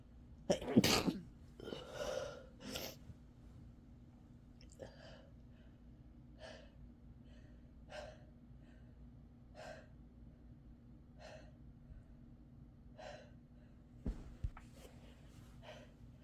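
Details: Several sharp sneeze bursts at the start, then soft, regular breathing with faint sniffles over a low room hum; sneezing.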